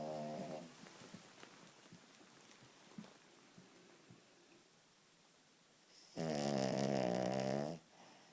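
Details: Daisy, a female King Charles Spaniel, snoring while asleep: quiet breathing then a loud, buzzing, rattling snore lasting over a second; owner says she snores like a drunken sailor.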